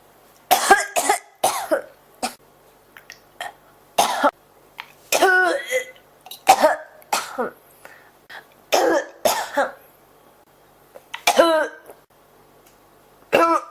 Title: 咳が止まらない 39 cough